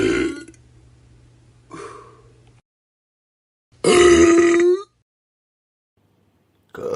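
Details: Sound-effect compilation: several loud, throaty belches, one long and drawn out, separated by silence; burping.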